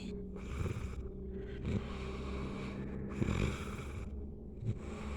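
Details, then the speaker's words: Snoring that fades out and then returns: low, rumbling breathing noises recurring every second or so over background hum. "hilang suara ngoroknya. Muncul lagi."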